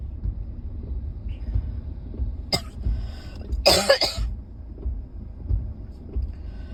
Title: #7 - this cough is still so bad